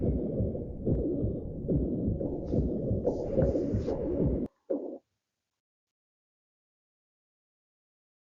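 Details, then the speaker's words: Tricuspid regurgitation murmur at the tricuspid focus near the left parasternal border and subxiphoid region: regular heartbeat at about 80 a minute with a continuous low blowing systolic murmur filling each cycle, then silence. "y la insuficiencia tricuspid que también es una patología frecuente podremos palpar en el foco tricuspideo cerca de el borde paraesternal izquierdo y región subside"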